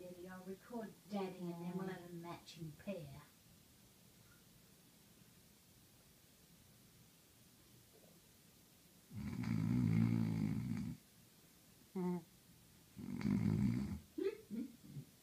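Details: Snoring in a West Highland White Terrier: two loud, low rattling snores among quieter snuffling breaths and faint voices in a small room.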